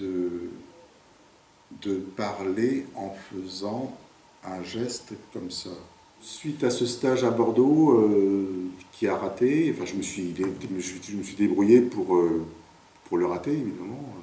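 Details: 58-year-old man who has stuttered since about age 4, with speech blocks: stuttering.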